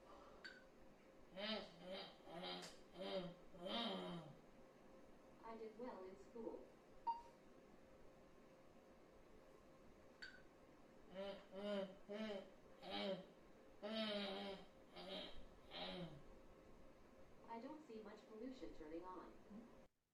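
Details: Adult woman with bulbar ALS and rather severe dysarthria, largely unintelligible, using an implanted BrainGate brain-computer interface that decodes her attempted speech: dysarthria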